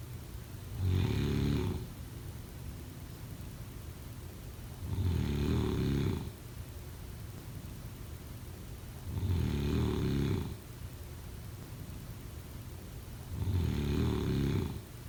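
Deep, rumbling snores on each breath in, four over about 15 seconds, roughly 16 breaths a minute, steady and regular: snoring.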